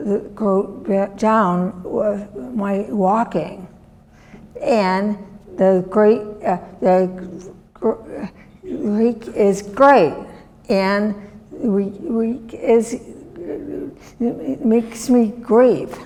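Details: Woman, former professor, with chronic aphasia since a severe stroke in 2010 that disabled her right side and took her speech; she relearned making sounds and saying her name and still cannot speak as before; non-fluent aphasia.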